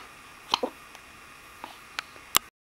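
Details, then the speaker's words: Person who gets hiccups almost every day, in the morning: about five short, sharp hiccup clicks within two seconds, unevenly spaced, against quiet room hum; hiccups. "Hiccups? Yeah. Hiccups. I get the hiccups almost every day."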